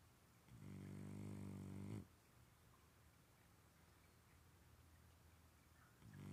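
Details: French Bulldog snoring: a loud, buzzing, rattling snore on the in-breath, then a quiet stretch of breathing before the next snore begins.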